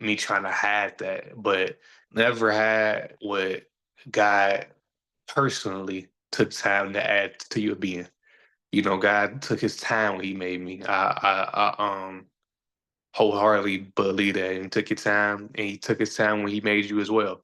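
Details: Stuttering in a male podcast host who says people see or hear his stutter, that he is still sometimes a little insecure about it, and that years ago he felt he had to hide it.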